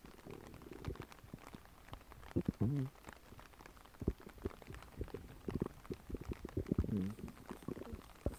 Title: Realistic stomach growling sound effect